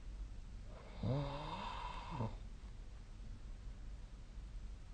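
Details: Sleep snoring recorded on 2025/03/31: a single drawn-out, rumbling snore over steady room hiss.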